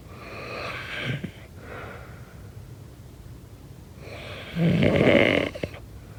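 Two rough, rattling breaths a few seconds apart, the second louder and harsher; ordinary snoring during sleep.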